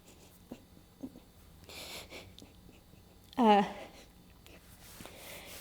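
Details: Woman with Tourette syndrome whose tics, out of her control, have been ramped up this week; vocal tic (Tourette syndrome).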